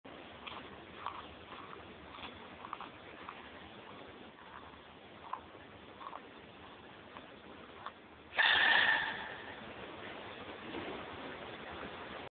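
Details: Panda sneeze: one sudden, loud sneeze after several seconds of quiet sniffing and shuffling.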